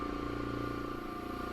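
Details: Steady, fairly loud hum with a fast low rattle of an oxygen concentrator compressor running, supplying a Smith Little Torch in a home jewelry studio while the oxygen flow is checked at about 3–4 psi and 3.5 LPM.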